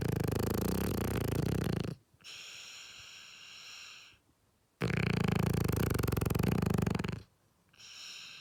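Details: Loud, rumbling, flapping snores alternating with softer whistling breaths, about 15 a minute, from a dog sleeping peacefully beside its owners. It sounds almost like farting but is ordinary snoring.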